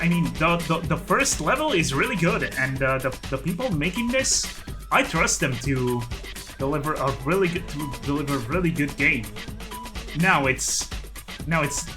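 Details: Adult man who calls his own speech a 'stuttery mess'; repetitions of words and phrases; stuttering.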